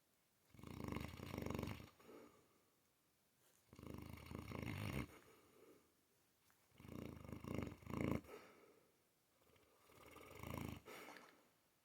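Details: Sleeping female Mastiff snoring: four long, deep, fluttering snores at about 20 breaths a minute, each followed by a softer breath out.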